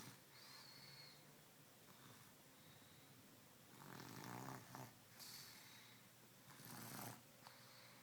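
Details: Snoring during sleep in a hotel room: rough, noisy breathing rising in a couple of louder snore bursts over steady room noise.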